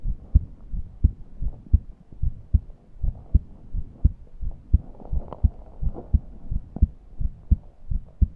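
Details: A person who could not breathe deeply and felt suffocated: steady low heartbeats at about 85 a minute, with a faint musical wheeze over the breathing; heart sounds with wheezing.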